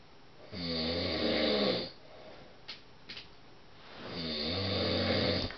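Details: Adult husband snoring during sleep, described as deafening: two long, loud, fluttering snores on inhalation, separated by quiet breathing.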